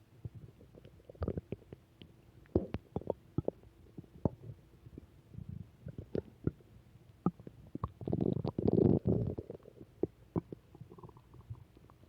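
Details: Return of stomach growls: gurgling, bubbling rumbles with frequent pops and a longer growl; ordinary bowel sounds (borborygmi).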